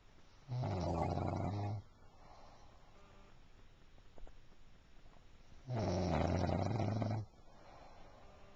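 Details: Sleeping dog snoring: two loud, rough snoring breaths roughly five seconds apart, with quiet exhalations between.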